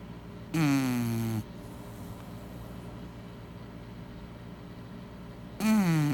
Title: Snoring baby girl chow chow | Chappie Bear